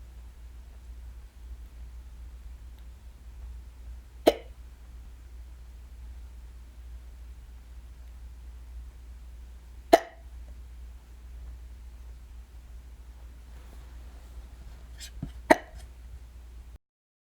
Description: i had the hiccups a few days ago while i was home by myself. i actually got them more than once that day, this is from the first case.